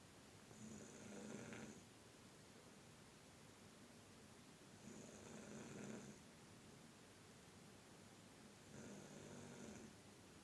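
Three slow, rattling snoring breaths about four seconds apart, roughly 15 a minute, over steady room hiss; ordinary snoring.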